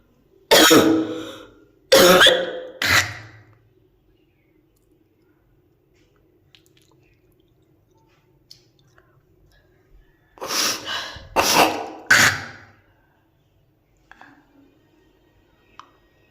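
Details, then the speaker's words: Woman with cold, sore throat and hoarse voice, after breakfast: two bursts of three harsh, rattly coughs with throat clearing, bringing up thick brown phlegm; productive cough. "बहुत निकला इतना कफ, और white colour का कफ नहीं है, सब ना brown brown colour का कफ है।"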